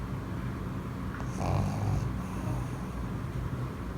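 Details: Small flat-faced dog asleep on his owner with eyes open: low rumbling snore with a louder snorting breath in the middle over steady background hum.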